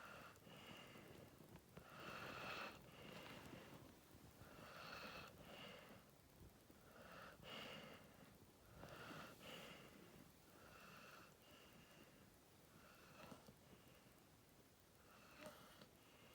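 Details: Staffy dog Masha snoring lightly: soft, repeated snuffling and whistling nasal breaths, about 24 a minute, against faint room noise.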